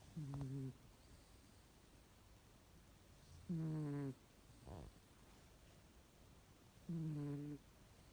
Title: Adorable cat snoring 😻😻😻 #cat #cats #snoring #cute